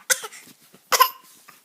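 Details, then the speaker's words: Two short, deliberate cough-like bursts from a 5-month-old infant, a playful voluntary fake cough rather than an illness cough, as an adult says to quit faking. "Faker. Quit faking. Quit faking. Quit it. Faker. Faker, faker. No fake coughing."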